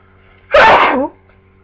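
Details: Single explosive sneeze, a sudden burst of air through nose and mouth, from an adult with flu for 2 days, only now becoming sneezy.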